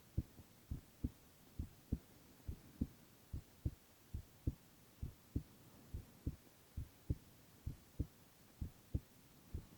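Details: Male ASMR recording of heart sounds only, no talking: steady, regular paired heartbeats at about 67 a minute with a faint background hum; normal heart sounds.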